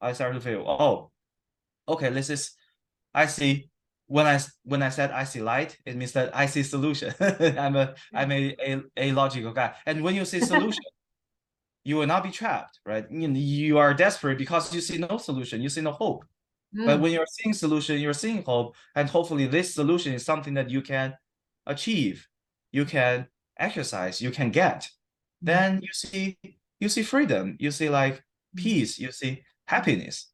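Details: Adult man who stutters, recorded at a check-in after 7-8 weeks of stuttering therapy that did not use physical strategies or stuttering control; he reports sometimes having severe stuttering in conversations. Stuttering.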